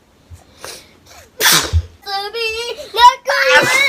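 A quick breath in, then a sharp sneeze, followed by high-pitched voiced sounds; a sneeze.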